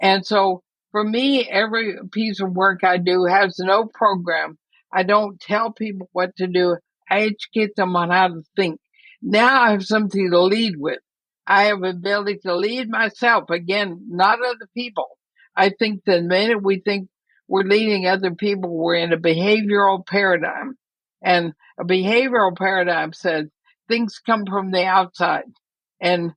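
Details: Woman near 80 diagnosed with ALS (Lou Gehrig's disease); she reports quite a bit of speech trouble but feels still intelligible; dysarthria (ALS).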